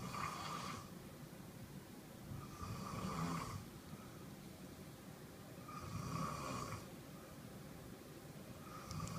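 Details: Ordinary snoring during sleep: slow, regular rattling snores on each breath in, about 20 a minute, with quiet breathing between.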